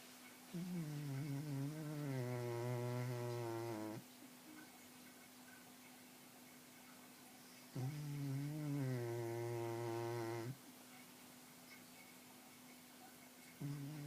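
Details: Loud, rumbling snores at about 10 per minute, each lasting a few seconds with quiet pauses between; snoring.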